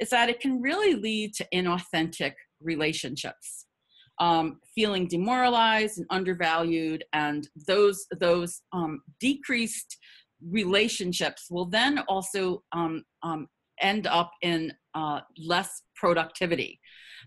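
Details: Adult woman who stutters, with audible repetitions; stuttering.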